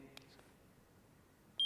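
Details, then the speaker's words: Infrared forehead thermometer used for COVID entry temperature screening: a few faint clicks then a short high electronic beep at the end of a non-contact reading, shows a smiling face. "that will beep loud enough comes up with a smiling face there"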